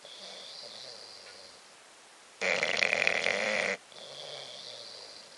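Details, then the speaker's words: Sleeping bulldog: soft snorting breaths, then one loud, rough rattling snore on breathing in; snoring. "Bobby. Bobby. Bobby. Stop snoring. Shit. He's snoring."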